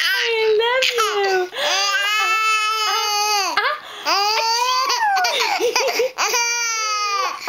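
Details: Loud, sustained wailing in several long bursts with brief gasps between, from an infant boy who has a fever; an infant crying.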